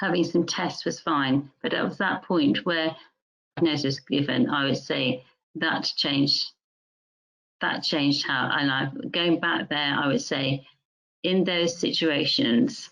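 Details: Music teacher diagnosed with mixed primary progressive aphasia; primary progressive aphasia (mixed type).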